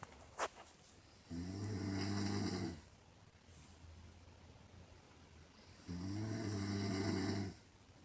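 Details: Mother who denies snoring: two long, loud, buzzing inspiratory snores about four seconds apart, quiet breathing between; heavy snoring.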